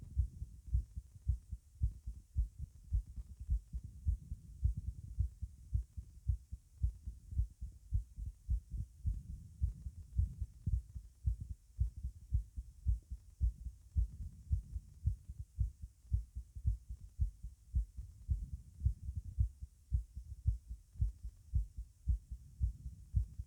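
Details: Regular low normal heart thumps at about 110 a minute, heard at the mitral area with the subject standing; normal heart sounds.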